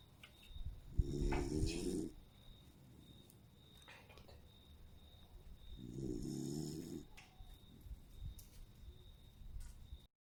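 Two slow, buzzing snores about five seconds apart, with soft rustling between them. Snoring from a sleeping small dog.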